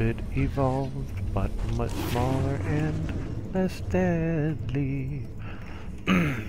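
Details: Stuttering in an adult male who says his stutter may return while recording; stuttering.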